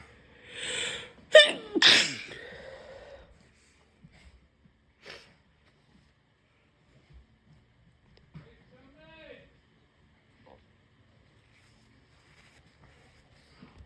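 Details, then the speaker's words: Induced sneezing in a sick, congested adult trying to clear blocked sinuses: indrawn breath then two quick sneezes close together, followed by quiet sniffs and faint sounds. "So, I'm going to try and do some to try and clear my sinuses a little bit cuz I'm sick like a dog."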